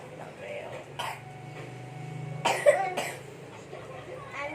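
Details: A few short, sharp coughs from a young child over steady background noise.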